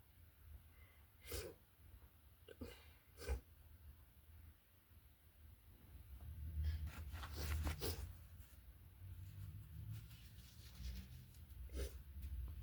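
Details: Cat with a cold sneezing: several short, sharp sneezes in a quiet room, with snuffly breathing between them.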